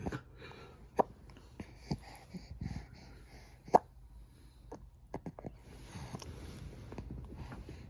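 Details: Infant girl's hiccups: a few sharp, brief clicking catches spaced irregularly in a quiet room.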